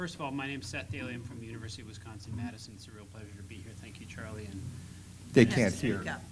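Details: Adult man speaking into a microphone; typical speech.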